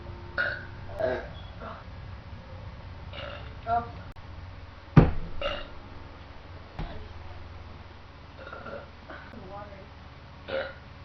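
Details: Several low, rumbling deliberate belches, one louder, over quiet room noise, from women drinking Jolt energy drink while playing a video game.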